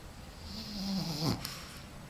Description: turn the volume up to appreciate those snorts and sighs.